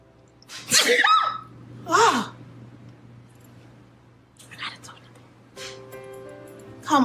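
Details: Sneezing in a young woman with hay fever, allergies or sinus trouble, while talking: a sharp inhaled catch, two loud sneezes a second apart, then a smaller one, faint music behind.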